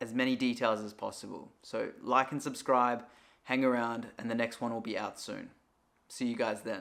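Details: Adult male speaker; normal adult male voice.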